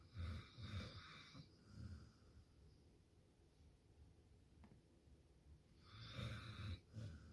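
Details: Low, rumbling, fluttering snores in two bursts with a quiet pause between, and soft snorting at the end of each breath; snoring.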